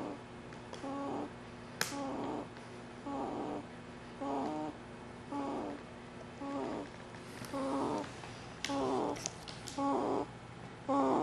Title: Mack Snoring